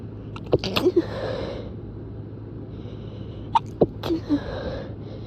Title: Stifles to strong sneezes